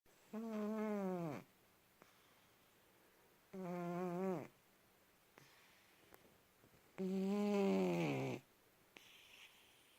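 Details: Three long, loud, tonal snores falling in pitch, with quiet gaps between, from a sleeping pet cat; snoring.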